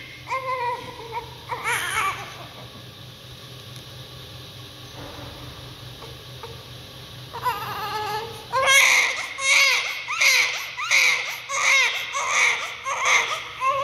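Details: Strong, high rhythmic first cry of a newborn baby, about 80 cries a minute after quieter whimpers; vigorous newborn cry.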